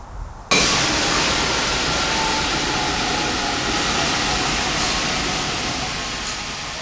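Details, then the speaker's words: MRI magnet quench: a sudden loud, steady roaring hiss of escaping gas as the superconducting wires turn resistive, the main magnetic field quickly collapses and the magnet's liquid helium boils off very rapidly. "when this happens the main magnetic field quickly collapses and all the magnets liquid helium boils off at a very rapid rate this is called a quench"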